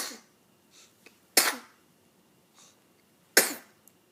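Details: Nori, at nearly two weeks old, gives two sharp, explosive sneezes about two seconds apart, each after a brief intake of breath.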